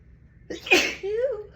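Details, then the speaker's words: A single forceful sneeze from a woman with a sharp inhaled lead-in and a voiced tail, after false starts, stuffy nose and watering eyes; she attributes her sneezing to dust allergy. "Oh God, it feels so good to sneeze."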